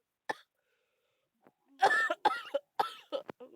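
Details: Child with a bad cough and cold, feeling very ill while playing a game: single short cough, then a pause and a few brief vocal sounds.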